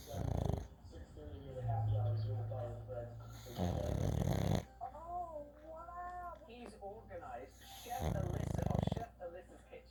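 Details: Pug, a flat-faced dog, snoring while asleep: repeated low rumbling snores with whistling, squeaky sounds between them.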